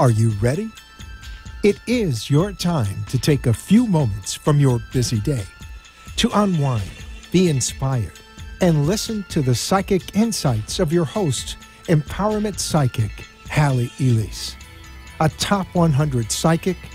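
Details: Adult male announcer; normal speech.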